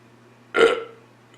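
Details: Single loud, throaty burp lasting about half a second and fading out, after drinking Diet Dr Pepper; ordinary belching.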